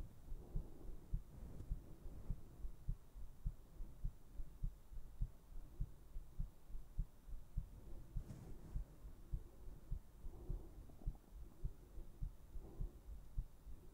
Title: ASMR : HEARTBEATS to put you to sleep!